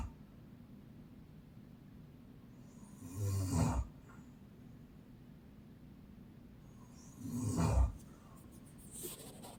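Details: Adult woman (a mother) snoring in sleep: two low rough snores about four seconds apart, roughly 15 breaths a minute, over quiet room noise; ordinary snoring.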